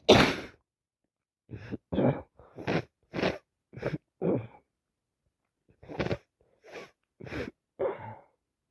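One loud sneeze is followed by a rapid run of about a dozen short, explosive bursts. This is repeated sneezing from allergies and a cold.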